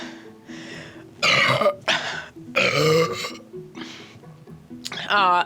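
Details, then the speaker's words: Deliberate burping after drinking a lot of Topo Chico mineral water: two loud, drawn-out burps with faint music in the background; ordinary belching after a fizzy drink. "Should we drink a bunch and then have a big burp? Should we? I think we should."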